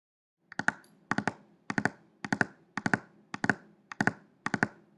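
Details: Third heart sound (S3 gallop), demonstration recording: a repeating three-beat rhythm at about 105 per minute, with an extra sound after the second heart sound.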